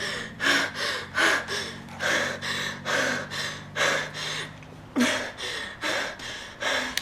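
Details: Simulated hyperventilation in a dental-surgery medical emergency training scenario: an adult woman patient with a pulse-oximeter probe on her finger, whom a bystander calls an asthma attack, makes rapid, noisy gasping breaths at about 70 a minute.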